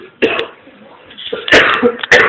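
Several short, harsh cough bursts with throat-clearing sounds from a child, in a noisy room.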